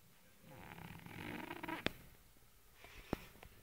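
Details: Rough, rattling snore on one breath, then quiet breathing with soft snorts: a fat, white male cat snoring loudly while asleep.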